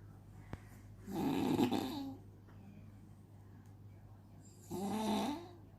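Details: Two loud, rough snores a few seconds apart with quiet room noise between; the snoring startles a baby.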